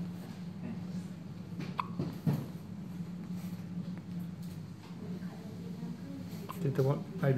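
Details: Newborn baby on the night of birth with hiccups: several brief, abrupt hiccups at irregular intervals over a steady low hum and soft adult talk.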